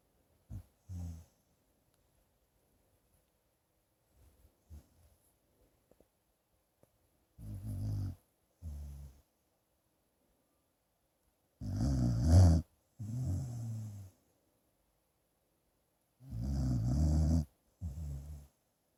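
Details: A sleeping dog snores loudly in low rumbling pairs, about 13 breaths a minute.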